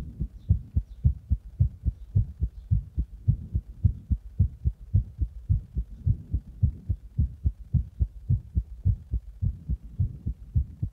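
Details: Fast, regular heartbeat about 107 beats a minute with strong, distinct thumps, recorded after drinking Monster energy drink in the bath and then applying compression; rapid heartbeat.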